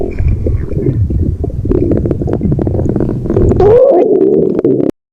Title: Stomach Growl